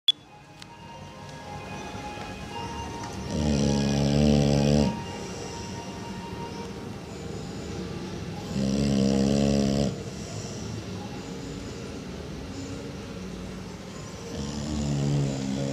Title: Max roncando - My dog Max snoring